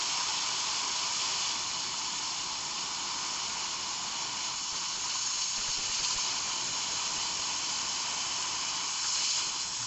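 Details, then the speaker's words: Steady loud hiss of a dental air-water syringe with high-volume suction, rinsing etched tooth number 20 on a manikin before bonding in composite filling practice. "so technically we want to rinse for another 30 seconds or more"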